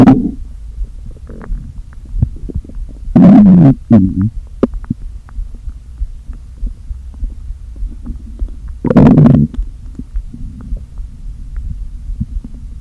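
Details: Stomach noises from a person who had not eaten all day, with air deliberately inflated into the stomach: low hum with two loud gurgling bursts and scattered small pops of air squeezed through the gut; borborygmi.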